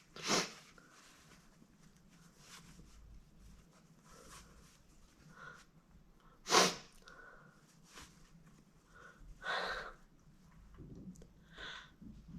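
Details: Sneezing fit induced with a chhinkni: several short, sharp sneezes with soft sniffs and breaths between them in a quiet room.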